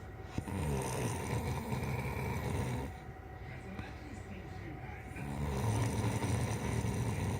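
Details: Low, rattling snore sounds over steady background noise, with a quieter pause in the middle; snoring.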